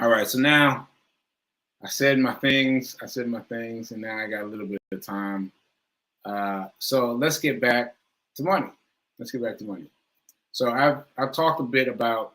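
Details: Self-reported aphasia in an adult, which the speaker says varies from person to person and feels worse on the day of recording; live, unscripted speech with aphasia.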